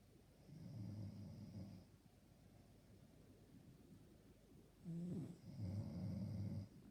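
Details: Person snoring loudly enough to keep another person awake; two low, rumbling snores, one on each in-breath, with quieter breathing between; ordinary snoring.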